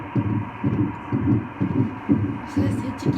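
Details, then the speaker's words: Twin pregnancy, fetal heartbeat of fetus A on Doppler ultrasound: fast, regular whooshing pulses at 124 beats per minute, a normal fetal rate. "Y y fue algo increíble. En ese momento pudimos escuchar los dos corazones, ya ni siquiera era, "Venimos a ver si nuestro bebé está vivo y llegamos y era tu bebé está vivo.""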